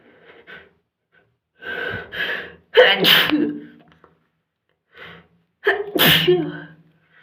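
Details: Two sneezes in quick succession, each a gasping in-breath followed by a sharp, explosive burst: continuous sneezing.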